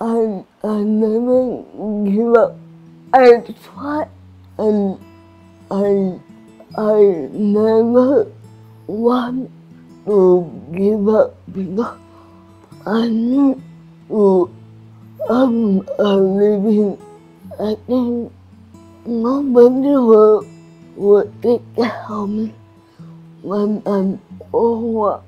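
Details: Adult woman with cerebral palsy, with slurred speech and restricted movements; dysarthria (cerebral palsy).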